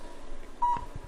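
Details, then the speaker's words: One short, clear electronic beep over quiet room noise from a cold low-level laser therapy device, signalling it is on while running a plantar fasciitis program on the foot to break up fascial adhesions. "Beautiful thing about this technique is you can hear the machine beeping. We know it's on."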